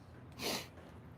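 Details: A mare being haltered before a chiropractic adjustment gives a single sharp, breathy nasal burst, a sneeze or snort, with quiet room noise around it.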